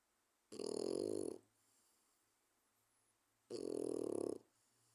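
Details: Four-month-old French bulldog puppy, asleep, gives two loud, rattling snores, each under a second, about three seconds apart with quiet breathing between: snoring.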